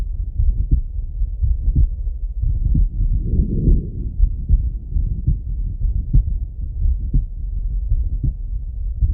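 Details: Adult male heart auscultated with a stethoscope: steady low heartbeat thumps at about 60 a minute with muffled rubbing noise; normal heart sounds.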